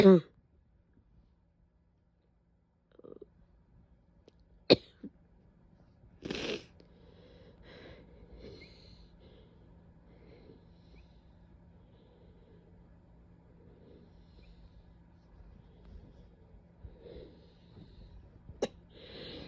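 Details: A few harsh, abrupt barking cough bursts from an adult, painful, with a couple of sneezes.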